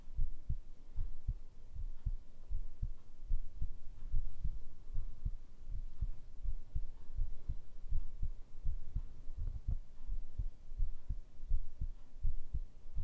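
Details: Heartbeat sound recorded for ASMR with a binaural microphone: steady low paired thumps at about 80 beats a minute over a soft background hum.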